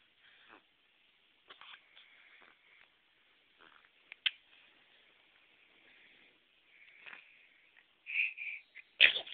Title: Cutest sneezes